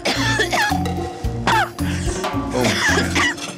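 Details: An adult woman, a waitress, gives several short, forceful coughs and throat-clearing sounds after tasting food, heard over loud background music.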